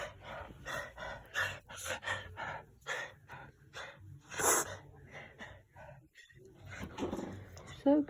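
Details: Dog coughing episode: a run of rapid, harsh hacking bursts, with a soft human voice comforting him in the background.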